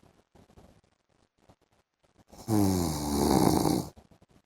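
Quiet ticking background, then one loud, rough, vibrating snore lasting about a second and a half; snoring during sleep.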